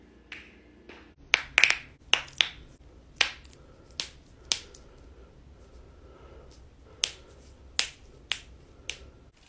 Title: KNUCKLES/TOES CRACKING COMPILATION #shorts